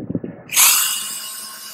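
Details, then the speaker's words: Dermabrader running over facial acne scars in a female Fitzpatrick III patient, second pass perpendicular to the first, starting in the most dependent area, creating micro-lacerations: low handling noises, then a high steady drill-like whine of the rotary wire brush. "what you're doing is you're creating perpendicular or perpendicular micro lacerations of the skin"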